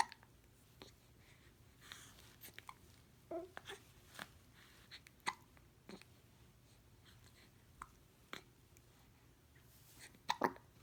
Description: Is anything cuter than baby hiccups? =)